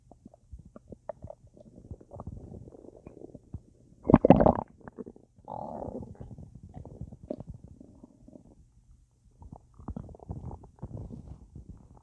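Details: Full, bloated belly with a lot of gas after a large meal with a drink: irregular gurgling and bubbling sounds with one louder burst, active bowel sounds (borborygmi).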